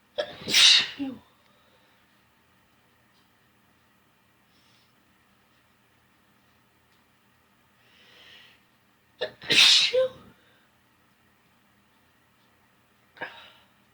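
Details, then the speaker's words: Two sharp, hissing ordinary sneezes several seconds apart in a quiet room, each with a brief intake before it, during attempts to induce sneezing (chutney, then a bobby pin) while saying "I'm gonna sneeze." "I'm gonna sneeze, maybe. I'm gonna sneeze. I'm gonna sneeze. I'm gonna sneeze."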